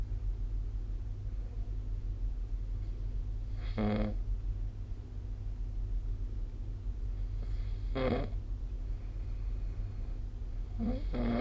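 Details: Intermittent adult snoring recorded with the SnoreLab app: three short snorting snores spaced several seconds apart over steady low room hum.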